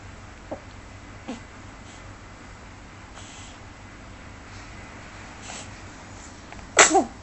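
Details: One short, sharp sneeze near the end of a quiet recording with faint rustling, while looking at the camera.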